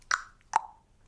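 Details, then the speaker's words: A single sharp mouth pop, a child's imitation of his own early vocal tic from Tourette syndrome, which he likens to a donkey clap; vocal tic. "When I first got Tourette's, the noise was like"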